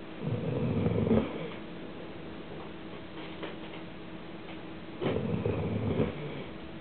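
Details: Snoring in Cassady, a small female Leonberger dog nearly 18 years old, recorded asleep: two low, rough, fluttering sounds on inhalation about five seconds apart over quiet room noise.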